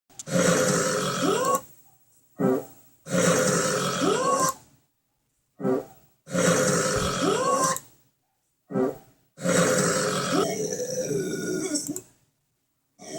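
Repeated long, deep, rumbling belches with short gaps between them, some drawn out for over a second.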